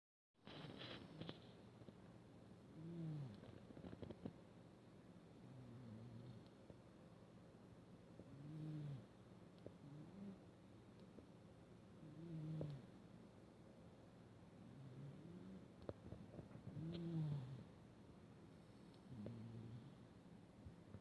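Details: 16-year-old cat snoring and twitching while dreaming in sleep: soft, rhythmic low rumbles, roughly fifteen breaths a minute.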